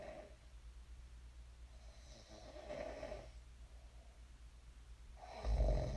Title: [코 고는 소리 ASMR] 잘 골고 일어났습니다. I snored well and woke up.